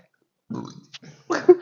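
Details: Burping challenge: a few low, rumbling belches in quick succession, the last one loudest; ordinary burping.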